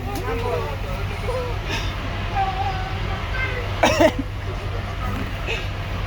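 A short double cough bursts out over steady engine rumble and quiet background talk.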